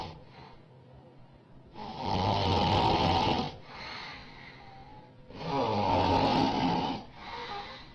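Loud, rough, rattling snores on each breath in, with softer breaths out, about 18 breaths a minute. Heavy snoring.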